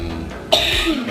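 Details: Child who has a cough: a single abrupt cough burst over background music and room noise.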